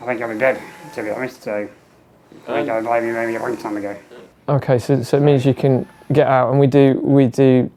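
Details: Adult man with muscular dystrophy and low lung capacity, tracheostomy for 15 years with fenestrated tube, ventilator pipes with speaking valve; air leaks around trachea; speech in spurts with each ventilator breath, breaks between; ventilator-dependent tracheostomy speech.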